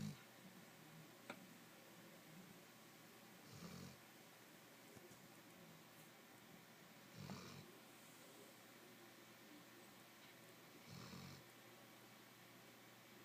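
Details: Snoring loudly in a home office: soft, low rumbling breaths about every three and a half seconds, roughly 16 a minute, against quiet room noise; snoring in sleep.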